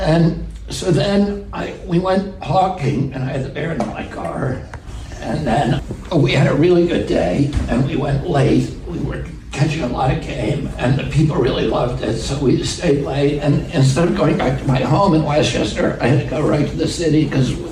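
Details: Adult man in a real interview clip telling a story; he attributes his voice to spasmodic dysphonia, a vocal condition he says he has.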